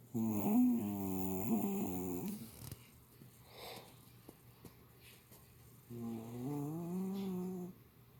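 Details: Two loud, buzzing, low-pitched snoring breaths a few seconds apart with quiet between, in a small room; loud snoring.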